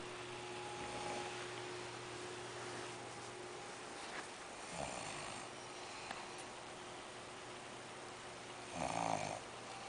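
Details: Snoring in a quiet room with a steady hum: a few soft snorts, then one louder fluttering snore near the end.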